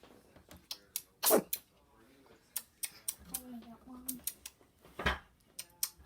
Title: Sneezing Cat